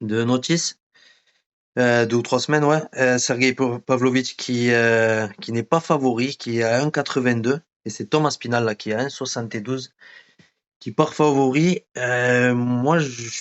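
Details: Adult male speaker; normal speech.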